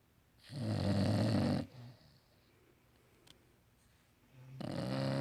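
Loud rough snoring on the in-breath, followed by a quiet pause and another snore starting; ordinary snoring from a sleeping dog.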